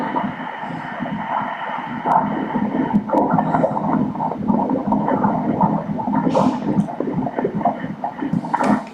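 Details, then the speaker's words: Fetal heartbeat at 31 weeks' gestation on ultrasound Doppler over the umbilical cord, about 142 beats a minute: rapid whooshing pulses turning uneven as fetal breathing movements shift the heart; a normal finding. "nós podemos ouvir as batidas do coração no cordão umbilical bem certinho a frequência o coração está aí 142 batimentos"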